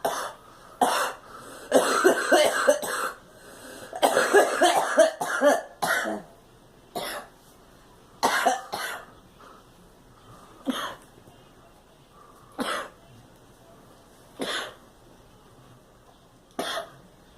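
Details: Girl coughing: a child coughs repeatedly, a rapid cluster of coughs followed by single coughs spaced a few seconds apart.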